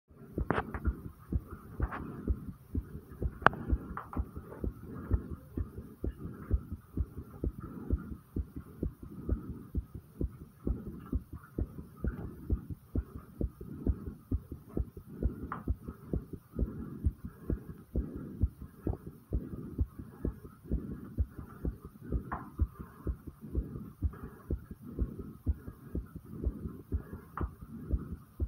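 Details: Rapid, steady low thumps of the recorder's own fast heartbeat at about 130 a minute, with a faint hum behind.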